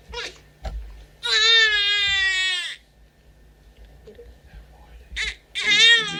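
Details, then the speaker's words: Crying infant girl, sitting up and alert, possibly hungry, rosy cheeks, without significant respiratory distress. "so not worried about this child right this child is annoyed she's crying maybe she's hungry"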